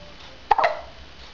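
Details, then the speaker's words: An awake, content baby boy has hiccups, which he gets very often, probably every time he is changed or fed, without discomfort: a single sharp hiccup, then a brief soft voiced squeak. "unfortunately our little guy has the hiccups"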